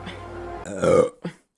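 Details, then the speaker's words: A short voiced belch rises over a steady background hum, followed by a brief second vocal sound; deliberate burping. "Do you guys mind if I burp? Sorry, I >> rate that burp."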